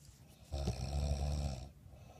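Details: A single low, rumbling, vibrating snore likened to a pig's snort, lasting just over a second.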